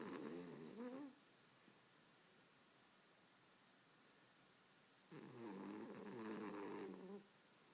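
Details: Two rattling, fluttering snores a few seconds apart in a quiet room, each about two seconds long; the snoring reportedly never stops. Snoring.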